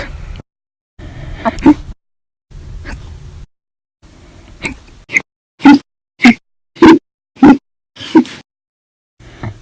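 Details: Compilation of hiccups recorded 8/1/19 to 8/31/19, described as violent, loud or silent, audio only: sharp, loud gulping hiccups, about 100 a minute at their fastest, irregular and mixed with breaths; repeated hiccups.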